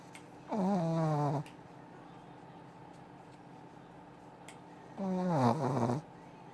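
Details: Two short, buzzing snores, each about a second long, with quiet room noise between; ordinary snoring during sleep.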